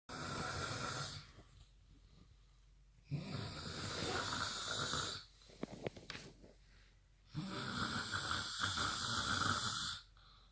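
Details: Two loud, rough, rattling snores, each a few seconds long, separated by quiet exhalations; ordinary snoring.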